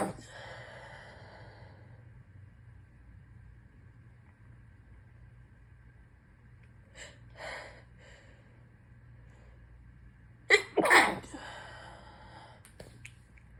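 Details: Sitting sick adult with a dripping runny nose: a long breathy intake, then soft snorting bursts and two sharp, deliberately held-back bursts; stifled sneezes.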